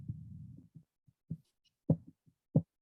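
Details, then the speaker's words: Stethoscope recording of a blood pressure measurement as the cuff deflates: a soft rumble, then tapping thumps that begin at the systolic pressure and fade away at the diastolic pressure, Korotkoff sounds. "Hear the bump? That's the high pressure. And that's the low pressure as the sound disappears again as well."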